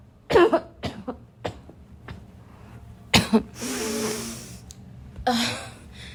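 Several loud, harsh coughs followed by a long rasping throat-clearing and another cough, a barking coughing fit.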